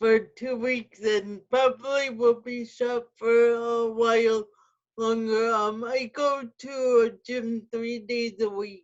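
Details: Adult woman with spastic quadriplegic cerebral palsy who uses a wheelchair; no specific speech disorder named; speech in cerebral palsy (dysarthric features).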